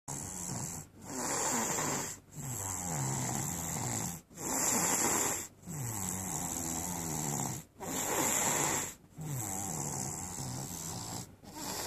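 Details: Adult snoring; continuous loud, raspy snoring with brief breaks between breaths, about 17 a minute.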